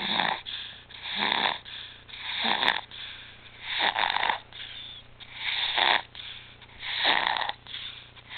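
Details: Infant back on apnea and pulse-oximetry monitors after apnea, stridor and retractions returned: harsh, noisy breaths at about 45 a minute, stridor from a narrowed upper airway.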